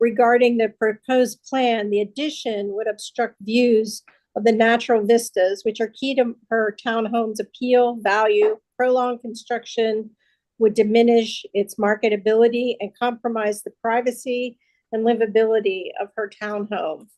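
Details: Adult woman speaking; Normal speech.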